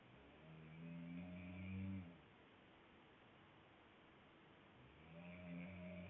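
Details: Woman snoring with her mouth open while deeply asleep: two soft, droning inhaled snores about four seconds apart, with a quiet pause between.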